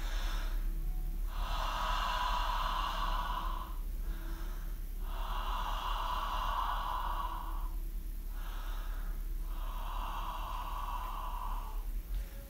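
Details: Nasal rinse bottle irrigation, looking straight down at the drain and breathing out through the mouth: three bursts of hissing, gurgling spray, each about two seconds, over low steady room hum.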